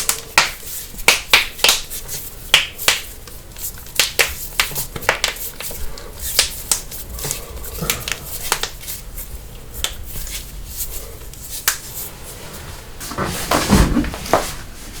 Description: Epic Bone Cracking with LOUD Popping Knuckles, Necks, Backs, Toes & More!